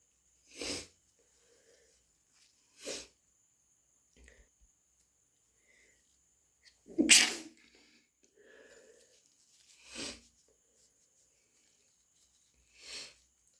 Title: Induced, half-stifled cat allergy sneezes